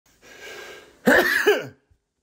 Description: Sound effect of a man's forceful sneeze.